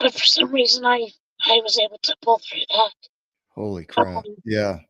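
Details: Adult male with vocal cord paralysis from a severe injury; told he would need a feeding tube and tracheostomy for life, trach removed after two months, scope later showed cords still paralysed; has spoken this way for over 25 years.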